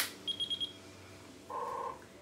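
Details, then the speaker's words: Zoll EMV+ ventilator, which has an internal air compressor, being switched on: four quick high beeps, then a short lower tone in a quiet room; power-on self-test before the start menu. "machine will do a quick little test and then we'll show you this start menu"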